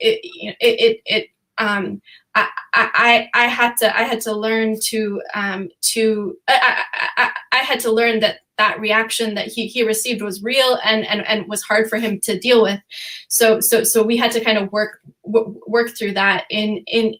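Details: Real stuttering in an adult woman who says she stutters sometimes, speaking on a panel; repetitions of words and phrases are heard.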